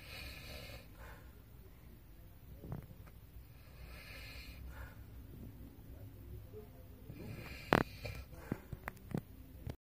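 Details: Adult woman (mother) snoring during sleep.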